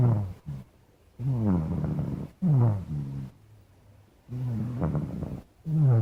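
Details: Sleeping black cat snoring, sound only: loud, low, rattling snores with a buzzing rough tone, repeating every couple of seconds in a steady rhythm.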